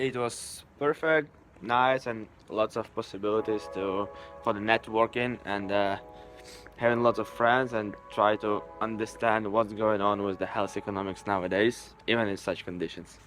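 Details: Adult man speaking; normal voice.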